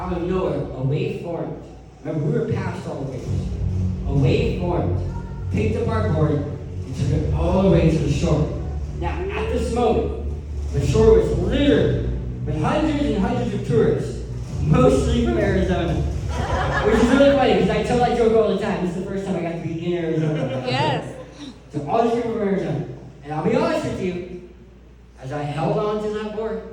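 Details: Adult man who lost 80% of his tongue to cancer, with a permanent articulation impairment after partial glossectomy.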